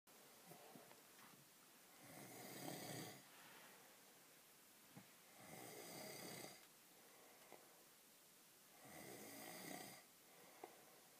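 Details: Snoring from an adult man asleep at night: loud rasping snores on each breath, about 18 a minute, with quiet pauses between.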